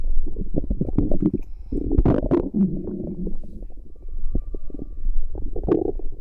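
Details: Bowel sounds recorded from a pregnant woman's stomach: low bubbling gurgles and rumbles, ordinary active bowel sounds.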